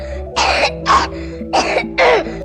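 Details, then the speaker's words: A child's dry cough: four short dry coughs over background music, described as typical of a common cold, chronic pharyngitis or allergic cough. "宝呢咳嗽的时候，我们一定要仔细的听。比如说这种就可能是普通感冒、慢性咽炎、过敏性的咳嗽，"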